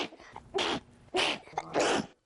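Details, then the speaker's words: 12-year-old girl with unexplained intractable sneezing, about eight to nine to a dozen times a minute and thousands a day, no doctor able to explain it: rapid rhythmic sneeze bursts about two seconds apart. "I can't stop sneezing it's about it goes off about eight to nine times a minute and showing no signs of stopping anytime soon"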